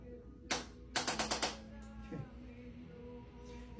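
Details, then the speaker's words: Handheld chiropractic adjusting instrument on a pregnant patient, used lightly to one side to relieve muscle tension: a single sharp snap then a quick run of four or five clicks. "we like to just keep things kind of light only move what needs to be moved relieve muscle"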